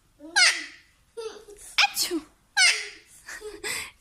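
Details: Talking parrot imitating a human sneeze: high-pitched squawks and chatter with sharp, sneeze-like bursts, not a true sneeze.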